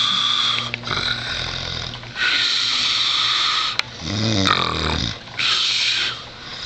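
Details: Dog snoring heavily: loud raspy hissing breaths with a deep fluttering snort in one breath, a few breaths over seven seconds.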